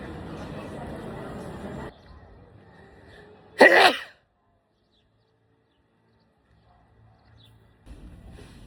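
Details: A single loud, sudden sneeze bursting out after some room noise, followed by quiet; from a sneezing compilation; sneeze.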